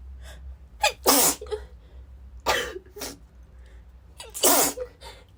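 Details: Female with a cold, sneezing repeatedly even while blowing her nose: three forceful sneezes in about five seconds, each with a short breath in first and then a loud explosive burst.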